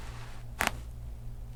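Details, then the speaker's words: During a chiropractic adjustment of the right atlas in the upper neck of an adult male patient with right-sided sciatica, a sharp, quick double crack is heard: joint cavitation (neck crack). "I gotta crack this right right atlas here"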